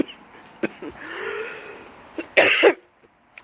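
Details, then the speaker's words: Woman choking while drinking an iced chai latte during a live talk: throat clearing and several harsh cough bursts, ending in a louder double cough. A brief coughing fit. "now I'm choking choking again you didn't see that these are the why happens when you go live"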